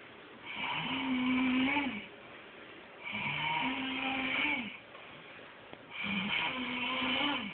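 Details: A man who fell asleep on a couch snores, giving long, droning snores with a whistling, nasal tone about 22 a minute and quiet breathing between them; snoring.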